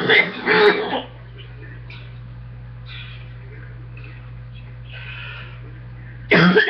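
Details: Repeated harsh, chesty coughs with a quiet pause, then another burst, from someone who again has a chest cold; chest cough.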